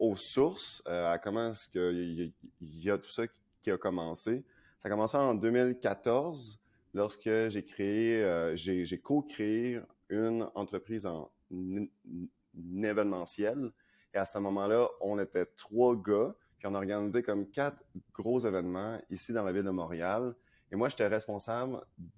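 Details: Adult man who stutters, speaking French; his voice may block at times, which he attributes to his vocal cords; stuttering.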